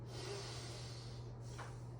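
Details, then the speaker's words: Intact nasal patency in an adult male during a nursing head-to-toe assessment, heard as steady sniffing inhalations through each nostril in turn with free airflow. "all right nasal patency appears to be intact"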